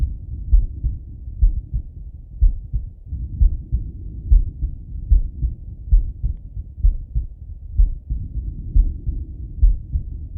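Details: Male heartbeat through a stethoscope with the person lying on the left side; steady low thumping heart sounds at about 67 beats a minute with muffled rustle between beats.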